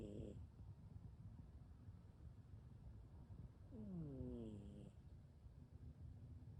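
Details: Cat snoring while sleeping with one eye open: soft, low rumbling breath noise with a brief whistling nasal tone partway through, cat snoring.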